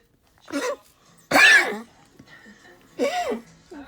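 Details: Three short, harsh coughing or hacking bursts from a pet with a stomach mass, the middle one loudest and most forceful.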